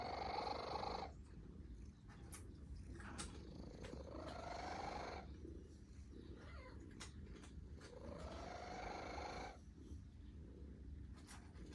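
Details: A sleeping cat snores with rhythmic, rumbling breaths over steady low background noise.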